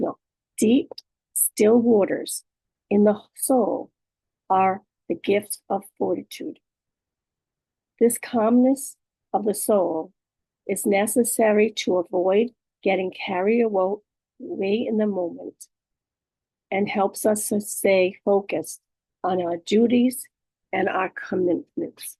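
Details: Adult woman living with aphasia, apraxia of speech and dysarthria after a stroke. Finding: aphasia with apraxia of speech and dysarthria.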